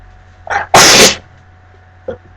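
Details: Sneeze while reading aloud from a person very allergic to cats, with a cat present: a sharp inward catch of breath, then one loud explosive sneeze and a short sniff.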